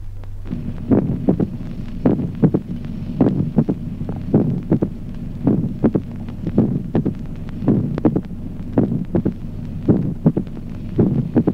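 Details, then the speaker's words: Mitral opening snap with a long interval, in sinus rhythm: regular heart sounds near 54 a minute with a sharp extra click after the second heart sound. "ejemplo 14to chasquido de apertura mitral de Gran intervalo con ritmo"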